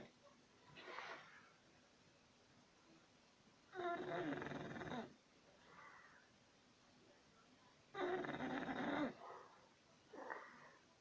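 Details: English Bulldog snoring in sleep: harsh, rattling inward snores alternating with softer breathy exhalations, roughly every four seconds; loud snoring in a flat-faced dog.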